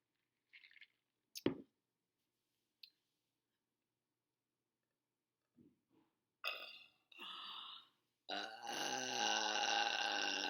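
Several small gulps and clicks, then a few burps ending in one long, loud, drawn-out belch lasting over two seconds.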